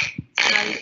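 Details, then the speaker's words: Dog with tracheal collapse (grade 3–4 discussed as stenting candidates): short harsh honking, raspy cough-like burst typical of collapsing trachea; honking cough. "Those dogs who have this honking and raspy breathing respond best to tracheal stenting, while those dogs with coughing as their primary sig"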